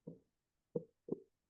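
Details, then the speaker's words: Soft, muffled, slow, steady lub-dub thumps played from a comfort doll used in dementia care: simulated heartbeat. "Um and I don't know whether you can hear this, but I'll try and play you the heartbeat."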